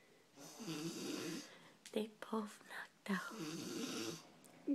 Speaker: was snoring. Almost knocked out.